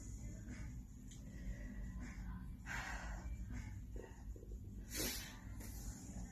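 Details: Woman who tested positive for COVID-19 in April, with lingering symptoms: sudden, noisy involuntary inhaled gasps, preceded by chest pain and brief shortness of breath, resembling a gag or yawn, over steady low background rumble; involuntary gasping.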